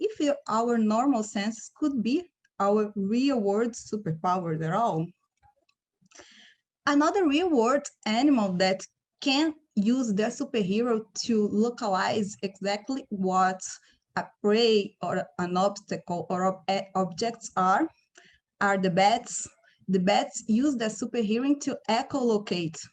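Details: Adult woman speaking; ordinary speech.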